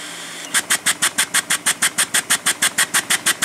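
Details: High-frequency oscillatory ventilator demonstration just after pressurizing the circuit with a constant bias flow: rapid, very regular hissing puffs at about six per second (about 360 per minute) over a steady flow hiss.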